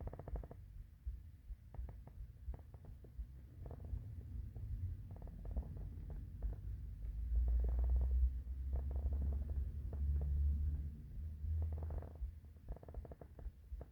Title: The classic morning hungry stomach growls